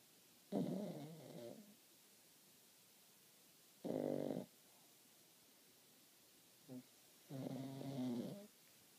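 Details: Pug snoring: three rough, rumbling snores a few seconds apart in a quiet room, with a brief faint snort between.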